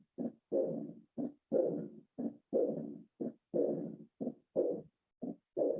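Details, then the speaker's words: Austin Flint murmur in aortic regurgitation: regular heart sounds with a low rumbling diastolic murmur, as the regurgitant jet displaces the anterior mitral leaflet, mimicking a mitral diastolic murmur. "Durante la diástole, ¿ya? Vean el soplo de Austin Flynn. Escuchen."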